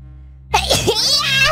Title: aiming for sneeze